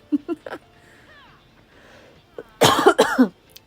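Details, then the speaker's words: Lingering post-illness cough in an adult, decreasing in frequency over days after getting sick around Christmas: cough. "As you can hear, I still have that uh I still have the cough. I'm still coughing. which sucks."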